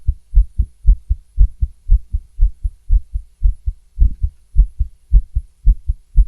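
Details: Stethoscope recording of a female's fast heartbeat, paired thumps about 115 a minute, a slightly uneven rhythm with occasional skips: tachycardia with skipped beats.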